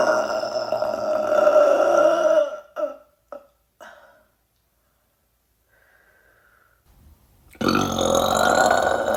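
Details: Woman burping repeatedly: a long, loud, drawn-out belch, then a few short belches and a pause before another long belch starts.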